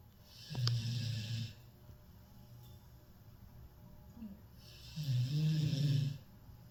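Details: Cane Corso dog snoring loudly in sleep: two low rumbling snores on in-breaths with an airy hiss, separated by a quiet pause.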